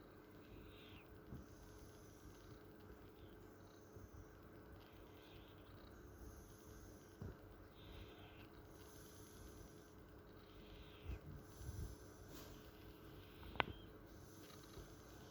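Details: Cat snoring: soft, regular breathy rasps with each breath, about eight in fifteen seconds, over a steady room hum.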